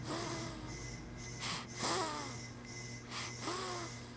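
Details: Snoring during sleep: soft snorting snores with whistling, squeaky breaths, about 36 a minute, over a steady background hum.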